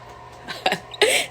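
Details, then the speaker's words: Woman six weeks postpartum with double lung pneumonia, chest constriction on moving, taking deep breaths; two to three short, harsh, moist cough bursts with audible congestion and phlegm: wet cough. "And if you can hear the like congestion and like phlegm that I have or whatever, I'm trying to take deep breaths."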